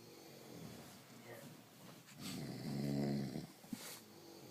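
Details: Three people snoring at once: low rattling snore sounds from more than one sleeper, overlapping, in a quiet room.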